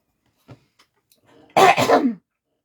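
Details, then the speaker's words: An adult woman gives a few faint throat sounds, then two quick, harsh coughs in succession; she describes a frog in her throat and a hoarse voice, and drinking made it worse. "J'ai un chien dans la gorge. Je suis désolée si ça vous va pas que je tousse."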